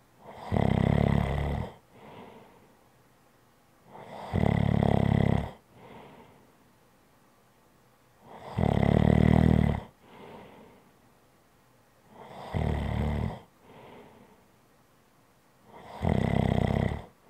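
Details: Loud, regular rattling snores on each in-breath with quieter out-breaths, about 14 breaths a minute, in a relaxation (ASMR) recording. Steady snoring.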